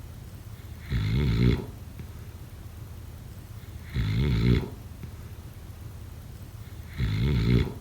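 Three regular, low, vibrating snores about every three seconds, roughly 20 a minute, over a steady background hiss; snoring in sleep.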